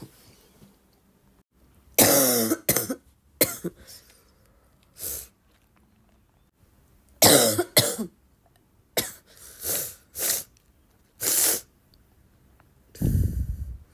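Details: Woman who woke up coughing: repeated harsh coughs in clusters, about ten bursts, some with throat clearing; a coughing fit with a barking quality.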